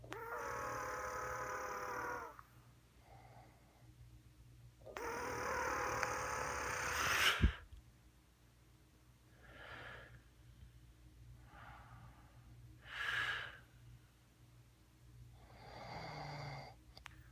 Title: Darth Vadar or funniest snoring sound ever